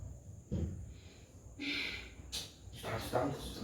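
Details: Acted snoring by a woman in a comedy skit: exaggerated loud snores while another person repeatedly tells her to get up and go lie down in the room.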